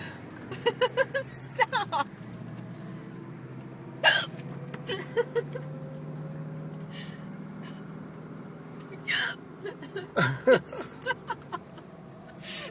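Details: Painful hiccups: the person says they hurt. Several sharp, abrupt hiccup sounds against background talk and laughter, with traffic noise nearby; hiccups.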